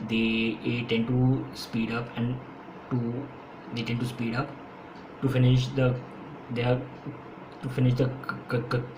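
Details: Stuttering (stammering) in an adult man, present since school; he says he stammers more when speaking faster. His own real speech, with audible repetitions.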